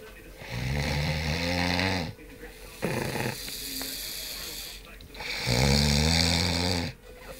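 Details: Heavy snoring after a hard day's racing: loud, deep, buzzing snores on each breath in, about two in seven seconds, with quieter breaths out between; snoring.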